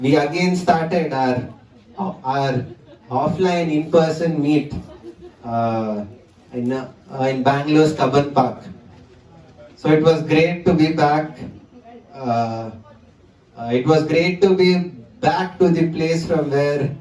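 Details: 20-year-old man who stammers, giving a talk at a national stammering conference; stuttering.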